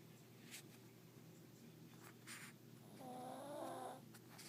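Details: Snoring, described as loud: soft rhythmic snoring with a brief snort-like sound against quiet room noise.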